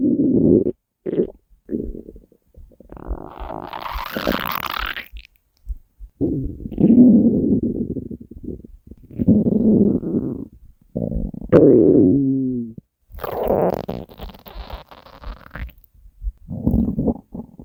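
Long, low gurgling and rumbling growls with squeaky rises, in bursts separated by quiet; hunger stomach growling, a normal sound.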